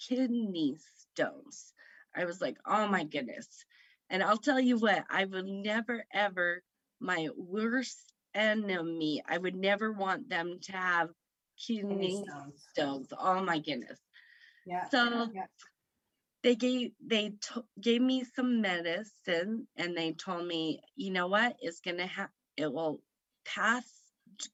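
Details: Woman aged 38 at a stroke in September 2018, speaking about 3 years later; the stroke affected her right side and left her with aphasia; aphasia.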